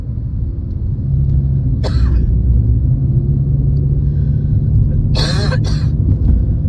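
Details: Two short coughing bursts, the second a quick double cough, recorded while driving over steady car road rumble, late in a spring cold; cough with a common cold.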